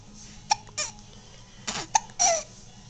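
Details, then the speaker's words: A young girl with hiccups: brief, sharp hiccup catches, each followed by a short breathy sound, recurring about twice every three seconds. "you have the hiccups yeah"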